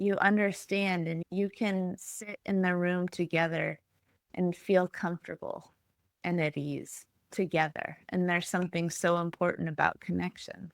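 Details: Adult woman speaking; no speech disorder.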